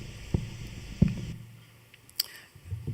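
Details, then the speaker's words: Surface EMG, two small electrodes on the dorsal interosseous, patient with confirmed bulbar ALS: isolated, irregular pops on a quiet background, motor unit potential bursts sometimes as doublets of different sizes; fasciculations. "On pose deux petites électrodes sur son interosseux dorsal et on enregistre des bouffées d'activité de PUM qui peuvent survenir par doublé de tailles différentes. Donc ce sont des fasciculations."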